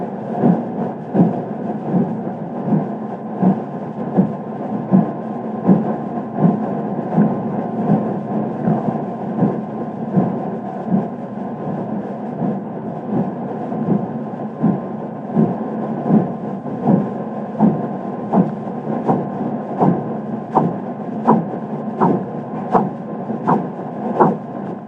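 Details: Korotkoff sounds in an elderly patient, possibly with marked arteriosclerosis, recorded with a digital-image sphygmomanometer: regular tapping at about 81 per minute, heard down to 0 mmHg without fading as the cuff deflates; BP 122/82/0 mmHg.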